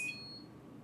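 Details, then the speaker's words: Hospira Plum A infusion pump, powered on manually after the cassette is inserted and door closed: short high electronic chirp fading into room hum, power-on beep as it begins its self test before the cassette test. "with this pump though you do have to turn it on once the door is closed it doesn't automatically come on as soon as it"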